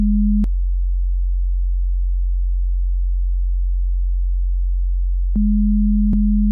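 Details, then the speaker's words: Simulated ASMR role-play hearing test through headphones: steady low pure-tone beeps switching on and off with long silent gaps, listener asked which ear hears the beep and to signal the higher-pitched beep; audiometry tones. "Tell me when you hear the higher pitched beep. Tell me when you hear the beep. What ear do you hear the beep?"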